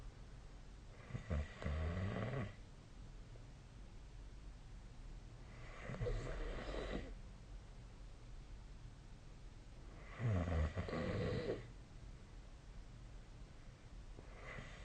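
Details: Sleep snoring recording (SnoreLab snoring app linked): loud, low rumbling snores about every four to five seconds, roughly 14 a minute, over steady room hiss; ordinary sleep snoring.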